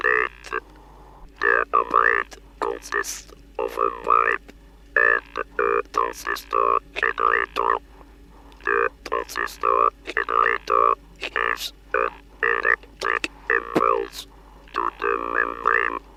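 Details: Electrolarynx speech after removal of the larynx, recorded in 1964, with a pipe-type electric artificial larynx: a flat, monotone mechanical buzz starting and stopping in bursts as words are shaped.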